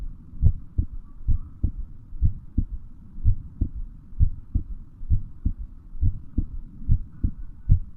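Steady heartbeat at about 65 beats a minute, clear paired lub-dub sounds over a low hum.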